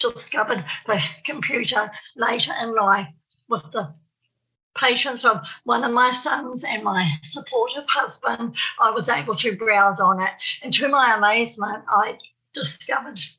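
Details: Adult woman from New Zealand who has a stammer. Stuttering.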